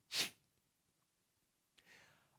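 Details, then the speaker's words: Sharp, forceful nasal blast, then quiet and a soft breath: a nose-blowing vocal tic in Tourette syndrome, diagnosed in sixth grade; tics began in middle school as hiccup-like noises, later with throat clearing and nose blowing. "These hiccups grew in both intensity and frequency and were eventually accompanied by throat clearing [SOUND] and nose blowing."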